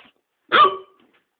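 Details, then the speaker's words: At the end of the night, a single short, sharp voiced hiccup, then silence; hiccups. "I really wish I didn't have these hiccups because he go are the worst thing you need at the end of the night"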